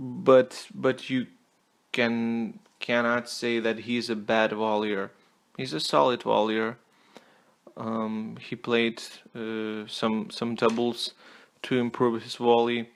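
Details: Stuttering with word repetitions in an adult male non-native English speaker who apologizes for his stutter.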